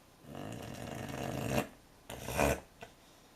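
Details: Soft, raspy nasal snoring from a sleeping American Cocker Spaniel puppy; ordinary puppy snoring.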